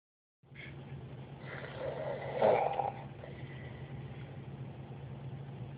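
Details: A single long, rough, rumbling breath that builds to a louder snort before settling; snoring.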